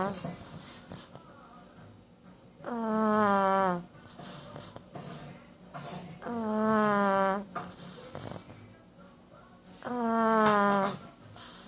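Three loud, whistling, falling snores about 17 a minute with quieter breaths between; noisy snoring typical of a flat-faced dog.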